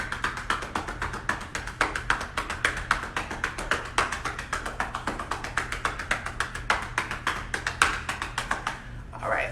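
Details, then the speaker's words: Chest physiotherapy demonstrated at home by a registered nurse to break up and drain lung mucus: rapid rhythmic cupped-hand clapping on the chest, about 220 claps a minute, as chest percussion. "that is pretty much called chest physiotherapy basically it breaks up mucus in your lungs it mobilizes and drains the lungs"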